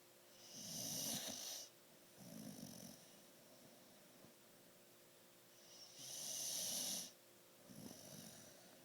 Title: Bug Snoring